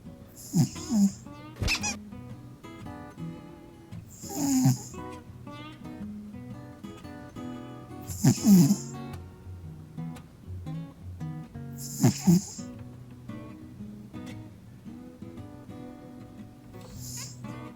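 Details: Soft, irregular, human-like snoring breaths, roughly 16 a minute, from a sleeping cat, under background music; snoring.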